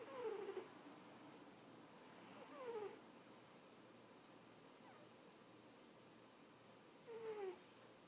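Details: Napping cat snoring: soft, squeaky, high-pitched snores with each breath in a quiet room; harmless snoring.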